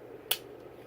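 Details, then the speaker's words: Spring-loaded lancing device firing as a person with diabetes pricks her finger, cleaned with alcohol, for a repeat blood glucose check: a single sharp click in a quiet room. "so once again she's my finger on which is a different one this time rubble with alcohol load my lanta push"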